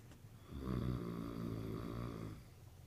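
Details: Adult man snoring. One long, low, buzzing rattle on an in-breath, lasting about two seconds.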